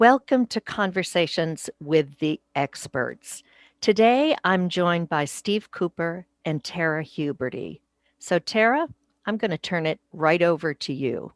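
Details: Adult woman speaking; normal voice.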